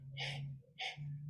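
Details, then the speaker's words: Pleural blow: a soft expiratory blowing sound resembling an "e", arising over compressed lung at the upper border of a pleural effusion. "el soplo pleural no aparece Pues en circunstancias en donde hay un derrame pleural y en la parte superior del derrame pleural eh se genera cierta compresión pulmonar y esa compresión da lugar a un soplo espiratorio suave no que simula una e es el famoso soplo en e e"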